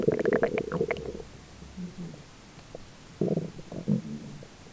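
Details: Ordinary belly grumbling during digestion, with a roommate talking faintly in the background; bubbly gurgles and rumbles in short bursts. Bowel sounds (borborygmi).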